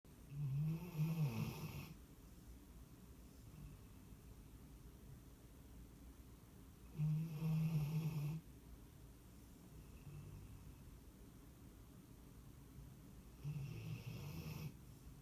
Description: Ben the Staffy snores the night away.